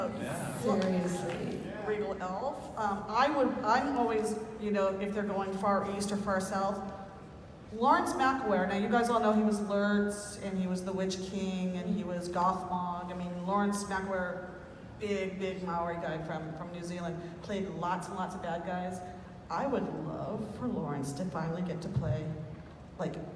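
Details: Adult speaker at a live panel; Normal conversational speech.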